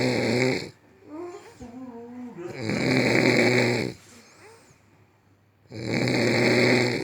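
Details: Very loud snoring: loud, harsh, rattling snores on each breath in, roughly 19 a minute, with quieter breathing between.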